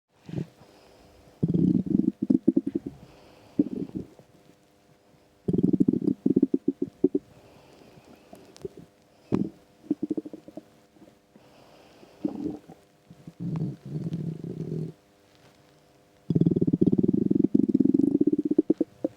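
Loud gurgling, bubbling rumbles come in bursts with pauses between them, the ordinary stomach growling of an empty stomach.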